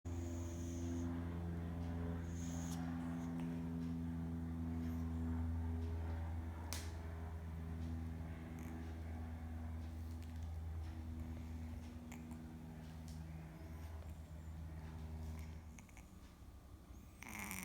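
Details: Deeply sleeping kitten snoring very loudly; a steady low buzzing, grunting snore, continuous and droning, with faint room noise behind it.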